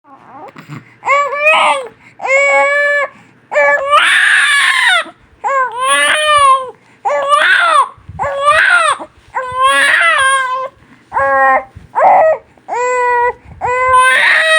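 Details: Loud, rhythmic cry of a newborn baby in repeated bursts of about a second, separated by brief breaths; strong, sustained crying.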